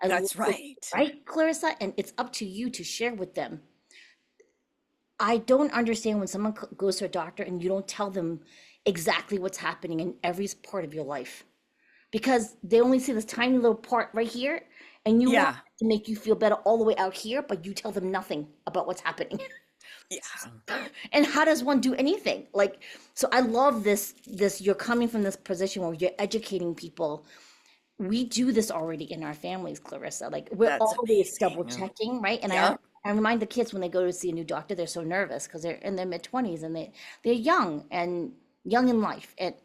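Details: Adult woman speaking conversationally; typical voice.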